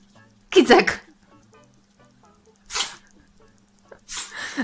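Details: Three small, quick sneezes from a cat, with faint background sounds between them.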